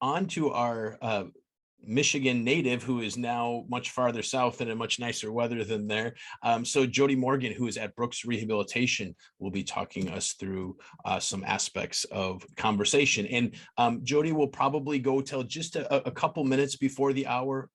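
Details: Adult speaker; Normal speech.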